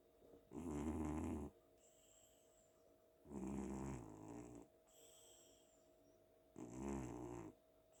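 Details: Timka the cat sleeping on a pillow after a fun day at home, with loud, rumbling snores on inhalation and quiet gaps between, about three cycles in eight seconds; snores like a man.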